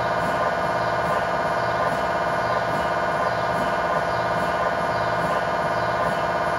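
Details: Continuous loud mechanical droning with a rapid repeating chirp, from an MRI scanner during a test tibia/fibula (lower leg) scan with a GE high-definition lower-extremity coil (stated as 8- or 16-channel), in a controlled environment.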